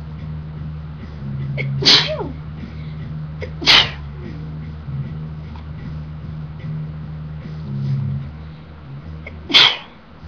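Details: Woman sneezing: three sharp, hissing sneezes over about ten seconds with a steady low background hum.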